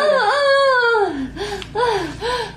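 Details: Loud, clear, rising and falling newborn cries in short bursts, a baby boy's first cry immediately after a normal vaginal birth.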